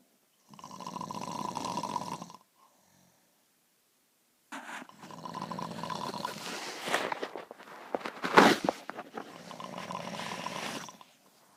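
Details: A woman snoring: long, rough, fluttering snores with a snorting burst in the middle; her doctor had to put her on an oxygen machine to help her breathe while sleeping.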